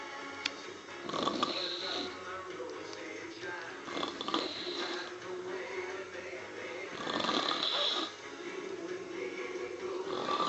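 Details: Woman asleep after drinking wine, gin and tonic and Baileys while watching a Neil Diamond concert: slow, loud, rasping snores about every three seconds, with music playing in the background.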